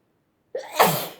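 A quick in-breath, then one forceful sneeze burst that fades out, part of an allergic sneezing fit.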